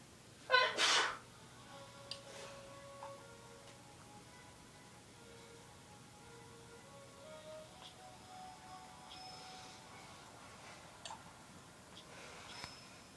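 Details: One sharp, loud sneeze at the start during everyday home life with a sister, then quiet room sounds with faint music; a single ordinary sneeze.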